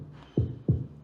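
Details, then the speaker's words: Normal heart sounds played in a premedical class: two low thumps, lub then dub, forming one heartbeat, the first and second heart sounds produced by heart valves closing. "este sonido que escucha no vamos a subirlo un poco para que lo escuche escuchan el latido del corazón"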